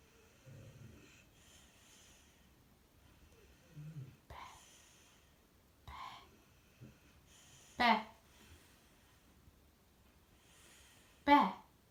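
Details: Sleeping bear-coat Shar-Pei dog: quiet sleeping breaths broken by a few brief, sharp nasal snorts, about four in twelve seconds.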